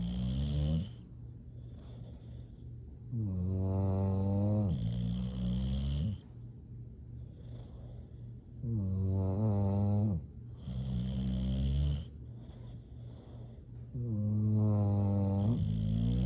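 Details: Sleeping English bulldogs snoring: deep, resonant, rattling snores about every five seconds, with softer noisy breaths in between.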